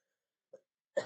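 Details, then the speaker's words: Adult streamer who has been sick for a while coughs: a soft throaty catch, then the sharp onset of a harsh cough that cuts off at the end. "as you can hear by the fuck ass coughing I have. Context for those who don't know, I was sick for a while and I didn't feel like dealing with waiting a day or two."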